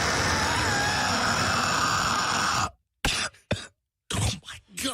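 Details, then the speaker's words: Adult man with a severe cough, described as a "death rattle" coming from his lungs and painful: long harsh crackly outward noise, then short rough wet rattling cough bursts, like crackling cellophane. "God it's like you crackling cellophane that was like a layered crazy sound I don't know what that was but it was like a a rattly distorted crinkly crinkly Velociraptor"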